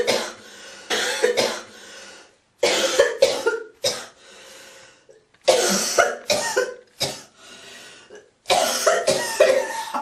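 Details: Girl coughing: repeated bursts of harsh coughing and throat clearing in four clusters, with hawking and spitting sounds between them.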